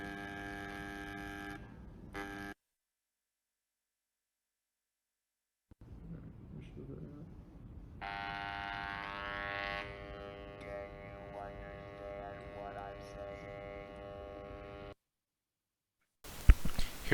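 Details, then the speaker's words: Prototype ROMET electronic larynx with Bluetooth smartphone control of pitch and volume, breadboard build, for speech after laryngectomy: steady mechanical buzz switching on and off and changing pitch; electrolarynx buzz. "so here's a video showing the prototype in action using our breadboard prototype"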